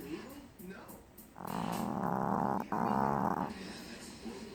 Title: Snoring BoBo